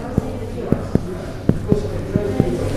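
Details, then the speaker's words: Cardiac percussion by an internal medicine doctor, finger perpendicular to the chest, mapping the right heart border: the note stays resonant up to the sternum, the normal finding, whereas dullness would suggest chamber dilatation. "so normally it is resonant all the way change the sternum normally the right borders like that okay so it is resonant till the stern"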